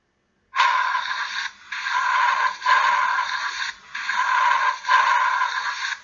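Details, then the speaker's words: Loud, harsh, hollow breath sounds with a clear pause between inspiration and expiration, heard over the trachea and sternal notch in a respiratory lecture demonstration: normal bronchial breath sounds. "for your bronchial lung sound you're going to basically hear those over the trachea and you also can hear them over the sternal notch"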